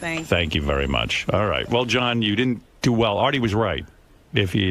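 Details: Adult male speaker; normal speech.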